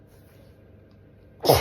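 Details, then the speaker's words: A single sudden loud sneeze bursts through the nose and mouth at the end of a quiet stretch; the person said beforehand it was itchy and dusty and that they were about to sneeze. "guys um so I know this is really itchy um we're coming up to the 10year anniversary I'm going to sneeze it's dusty"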